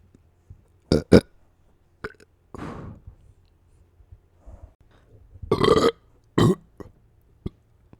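A series of short and longer burps, about six, in a quiet room.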